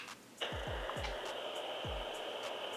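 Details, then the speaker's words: Handheld at-home fetal Doppler (Torontek) switched on with the probe detached and volume at maximum: steady static hiss with a high tone and a few low thuds; Doppler static on power-up. "hear some static noise that'll tell you that the doppler's on i like to have the volume up all the way but you can adjust it to your liking"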